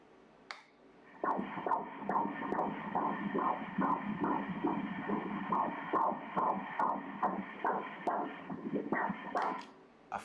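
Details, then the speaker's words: Fetal heartbeat on Doppler ultrasound at 14 weeks, cephalic baby, anterior placenta: rapid, regular whooshing pulses at 142 beats per minute, normal. "écoutons le battement de cœur regarde le cœur du bébé"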